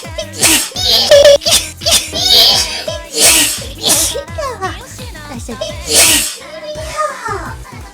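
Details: Acted, simulated sneeze by the voiced virtual character over music: a drawn-in breath followed by a sharp, noisy burst.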